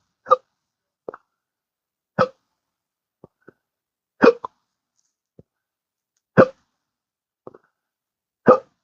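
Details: Ongoing intractable hiccups (singultus), aggressive episode lasting since the previous evening: sharp, brief gulping hiccups repeating about every two seconds with softer clicks between; a disabling chronic condition.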